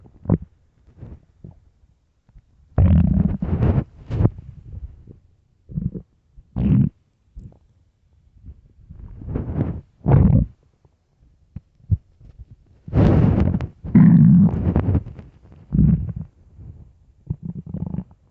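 Irregular low gurgles and rumbling bursts, some long and bubbling, in a quiet setting. Stomach growling from an empty stomach.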